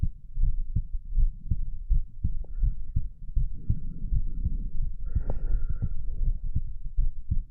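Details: Dull, steady heartbeats at about 80 a minute, only mildly quickened after a few abdominal crunches, with rustling background noise; normal heart sounds.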